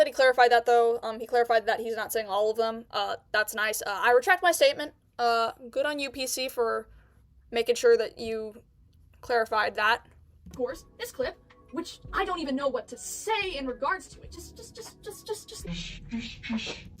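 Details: Stuttering in an 18-year-old male streamer with a self-reported stutter (speech impediment).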